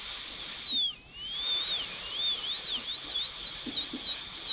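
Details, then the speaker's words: Dental high-speed handpiece: high-pitched whine wavering as it cuts, brief dip when lifted, rough occlusal clearance reduction toward 1.5–2 mm with a 1557 bur during gold onlay preparation on tooth #18. "we'll refine the clearance there and we've got a little bit more to do and it's starting to to take shape there with our with our clearance"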